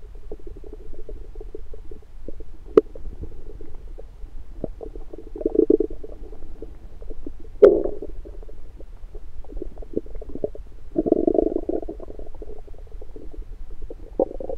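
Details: Frequent bubbling gurgles and low rumbles in bursts with a few sharp clicks, recorded in the morning with an electronic stethoscope over the abdomen after breakfast; active bowel sounds.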